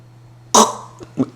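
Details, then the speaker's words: Simulated sleep apnea imitated by an adult: breathing stops for a few seconds, then an abrupt throaty snort-gasp and two weaker catches as breathing restarts after the apnea pause. "자다가 숨을 안 쉬는 거 같아요. 가다가 콕 소리를 냅니다. 이것은 수면 무험이 있는 것이죠."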